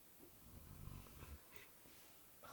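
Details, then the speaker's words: Pet dog snoring while asleep beside the speaker indoors: a single low, rumbling snore, quiet against faint room noise. "il y a mon chien qui ronfle à côté j'espère que vous l'entendez pas"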